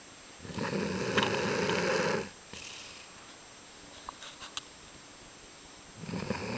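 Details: Someone asleep on a couch, snoring: two long, rattling, fluttering breath sounds separated by a quiet pause.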